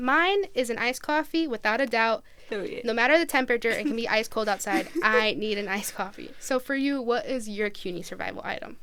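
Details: Adult female speaker; Normal speech.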